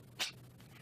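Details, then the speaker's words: Little tabby kitten sneezing repeatedly, possibly from allergies: a single brief, sharp, hissy burst of air against quiet room noise, a small sneeze. "oh my goodness that was a big sneeze oh"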